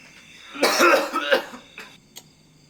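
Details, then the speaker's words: An acted adult cough, with one loud throaty burst and a short follow-up, then faint clicks, in a staged scene: simulated cough. "Apaan sih lu batuk-batuk mulu nih minum"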